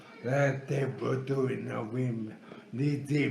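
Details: Scanning speech (ataxic dysarthria) in a cerebellar patient saying the months of the year on an examiner's request, with difficulty pronouncing words.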